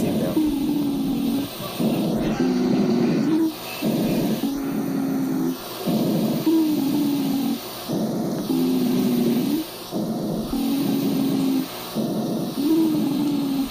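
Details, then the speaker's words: Wheezes taught in a chest physical examination lesson as the sound produced when the smaller-calibre bronchi are narrowed, for example in asthma. "ahora si nosotros tenemos la misma fisiopatología en la en la que se ven se ven implicados los bronquios de menor calibre como por ejemplo en el asma este sonido se va a ser más"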